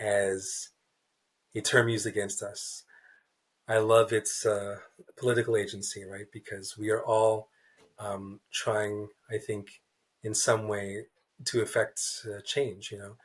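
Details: Adult man, a writer who describes himself as a person who stutters, in a real interview; stuttering.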